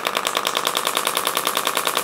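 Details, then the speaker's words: Radial shockwave therapy device worked up and down a woman's quadriceps, felt as a deep ache: rapid, steady train of sharp mechanical pulses, roughly ten a second. "we're going to turn this on and we're going to start to work up and down the quad area"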